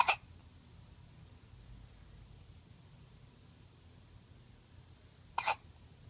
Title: More hiccups!